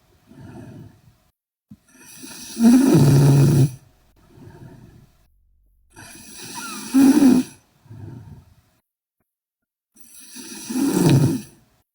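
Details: Sleeping Korean girl snoring: loud, harsh snoring on each breath in, with quieter breaths out, about 15 breaths a minute.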